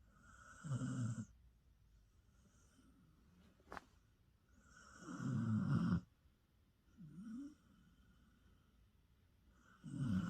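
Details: Sleeping pet dog snoring: low, rumbling snores about 13 a minute, with soft breaths between them.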